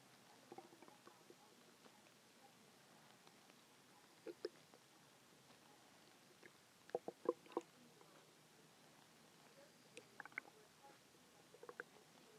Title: loud hungry stomach growling